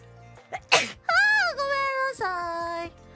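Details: Sneezing by a VTuber: a short breathy sneeze followed by drawn-out sung or voiced sounds, with background music.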